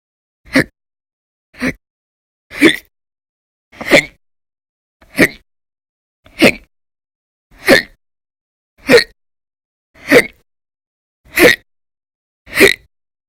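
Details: Persistent violent, very loud hiccups (singultus) in episodes lasting about 10–13 hours a day through December 2019, audio only: eleven short, sharp hiccups at a steady pace, about 48 a minute, silence between.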